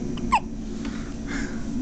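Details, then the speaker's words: Newborn boy, just moved from incubator to bassinet, hiccupping during burping attempts, hiccups throwing his head back: a single short, sharp hiccup over steady room hum. "he's got hiccups that are like throwing his head back here"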